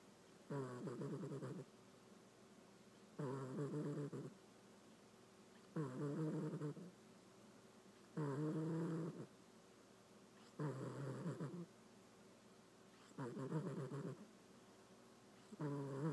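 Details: Cat snoring loudly in sleep, loud enough to keep owners up at night; regular low, rattling snores at about 25 a minute, each lasting about a second.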